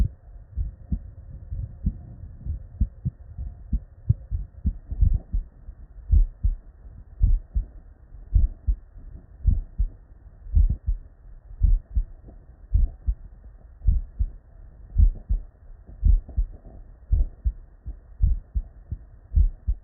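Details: Real, unedited bedside human auscultation recording from patients with normal cardiac physiology: normal heart sounds, S1 and S2.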